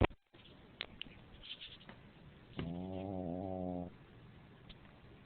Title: snoring pekingese